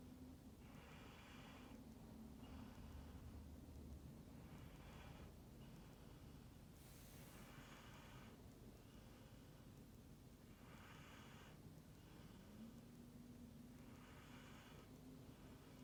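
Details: Husky dog snoring during sleep: soft, regular breathy snores against a steady low hum, a breath every few seconds.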